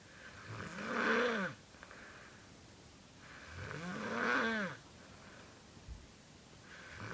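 Slow snores, about two in seven seconds, each a drawn-out whistling, squeaky tone that rises and falls over a noisy room background; unusual tonal snoring.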